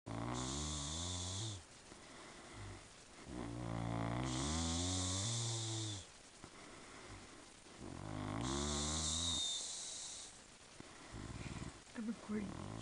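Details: Girl snoring while asleep: loud, rattling snores on each in-breath about three seconds apart, with quiet out-breaths between; snoring.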